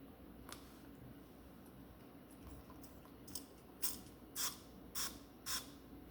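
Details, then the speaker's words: Four short hissing spray bursts over quiet room noise: a remedy spray bottle for hot flashes pumped onto the tongue. "And then this is for the hot flashes. Shake well. Put five sprays up on the tongue as needed."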